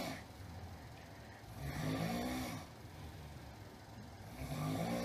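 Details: Loud, rough, low-pitched snores, two in five seconds, rising and falling with each breath; noisy snoring too loud for a listener to sleep.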